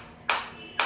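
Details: Biotronix focused (not radial) shockwave therapy applicator demonstrated on the operator's own hand, frequency 120, starting at minimum intensity: two sharp, crisp snapping pulses about half a second apart, the applicator firing.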